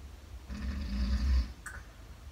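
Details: Adult father really asleep in a shared room at a lake: one deep, loud, rumbling snore lasting about a second, then a brief soft sound; heavy snoring.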